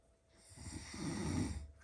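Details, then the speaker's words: Sleeping adult man snoring loudly after 11 pm, hard to wake even when called; a single loud, rattling, low and rough snore, said to be still mild and to grow louder later in the night; snoring. "我打开灯给大家看一下，他这个呼噜打的有多响，你喊都喊不醒。听到没有？他现在这个声音吧，还只是轻微的，等到下半夜，他这个呼噜声音啊，你根本不用想睡觉，简直是厉害的不得了。"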